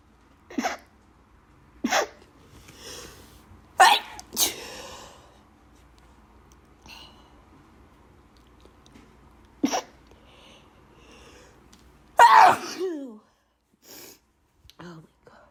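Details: Person with bad allergies who needs to blow their nose: about five sharp, forceful sneezes, some in quick pairs, with sniffs and a groan between; repeated sneezing.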